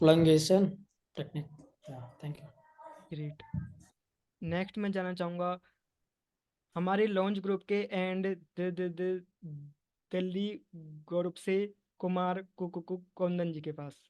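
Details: Stuttering in a man speaking Hindi at a stammering support group, with part-word and whole-word repetitions; he says he will use bouncing, pausing and pull-out techniques.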